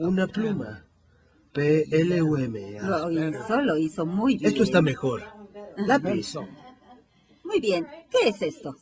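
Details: 58-year-old right-handed woman, symptoms beginning 4 years before recording, describing a picture; logopenic variant primary progressive aphasia.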